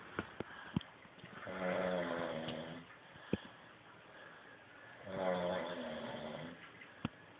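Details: Ordinary snoring: two rattling, buzzing snores on breathing in, several seconds apart, with quiet breaths between and a few clicks in the room.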